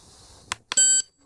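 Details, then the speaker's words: MobileODT ThermoGlide thermocoagulator activation for cervical precancerous lesion treatment, probe placed over lesion: two quick clicks then a short high-pitched electronic beep as the probe starts heating. "Once I feel like I have a safe and the placement is adequate over my lesion, I will then press the activator button again to start heating the probe."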